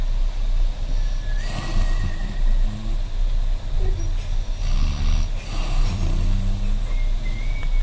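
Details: Loud, rough, rumbling snoring repeating over several seconds against steady room noise from a sleeping adult woman: snoring.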